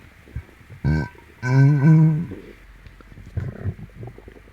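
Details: Loud stomach growling (borborygmi) in a person with an upset, painful stomach, likely from something eaten, while stroking the tummy clockwise: low, drawn-out gurgling and rumbling with a brief groaning tone, then softer bubbling.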